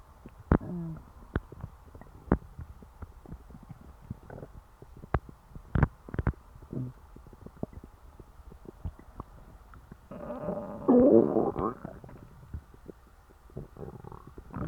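Scattered gurgles and clicks with a longer rumbling growl near the end; ordinary bowel sounds from a full stomach.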